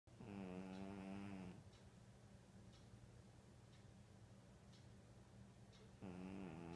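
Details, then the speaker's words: Sleeping cat snoring: two drawn-out, buzzy, droning snores about 4.5 seconds apart, with soft breathing between them in a quiet room; snoring. "Ed, you're snoring. Eddie."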